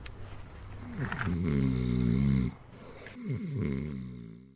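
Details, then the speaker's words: Sound effect of a sleeping man snoring continuously, with no breathing pauses: snoring. "Et puis je vous raccompagne avec ce bruitage là de de ronflement. ce monsieur qui ronfle dans son ronflement, il y a pas de pause malheureusement mais il dort et il ronfle."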